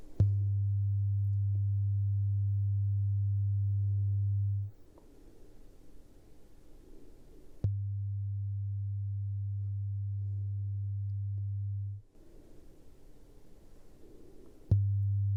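Steady low-pitched tones about four seconds long, separated by quiet pauses; hearing-test tones in an acted, role-play hearing test.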